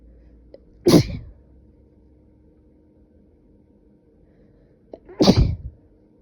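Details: Two explosive sneezes several seconds apart, each a sudden forceful burst of air, in a quiet room. Sneezing.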